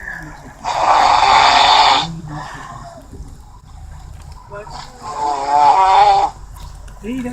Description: Loud Snoring